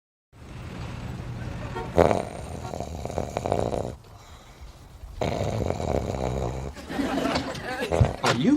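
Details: Acted TV scene from Friends (S04E20) of the character Joey snoring: loud, rough, rattling, exaggerated snores with long breaths.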